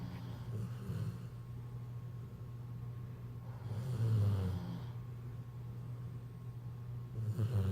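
Low, rough rumbling snores on the in-breath, about two in eight seconds, with steady room noise behind them.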